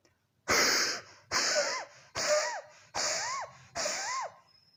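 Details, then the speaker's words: Imitated dry, wheezy cough for teaching: five dry, harsh coughs in a row, each with a thin whistling wheeze, with no phlegm or moisture; described as most often heard in elderly people. "बलगम बिल्कुल एब्सेंट रहेगा, मॉइस्चर बिल्कुल एब्सेंट रहेगा, खांसी बिल्कुल ड्राई होगी, केवल व्हीजिंग साउंड आएगी।"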